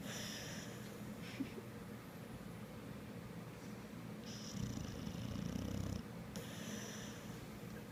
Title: Sammy The Pit Bull sleeping on the couch snoring with a smile.